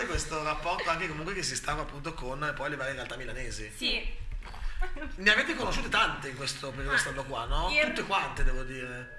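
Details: Adult speaker; no speech disorder.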